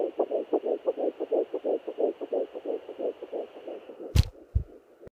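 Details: Fetal heartbeat on Doppler at 9 weeks 5 days of pregnancy: rapid, regular whooshing pulses at about 175 beats a minute.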